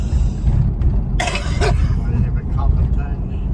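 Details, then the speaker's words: Short cluster of harsh coughs from an adult woman in a coughing fit while riding in a car, over steady road rumble; she says pollen has been rough for her. "Yes, I'm having a coffin attack. Did you hear it?"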